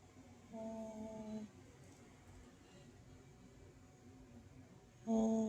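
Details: Adult man snoring: two loud, tonal, horn-like snores likened to a car horn, separated by a quiet pause; strongly vibrating airway.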